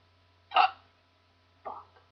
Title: The Hiccups